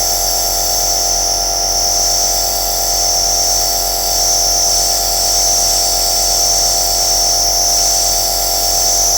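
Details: Aerosol nebulizer compressor running without a break, recorded as white noise for sleep: a steady, loud hissing hum.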